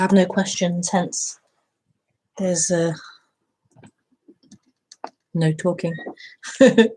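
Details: Self-reported stuttering in a female speaker, with word and part-word repetitions in live spontaneous speech.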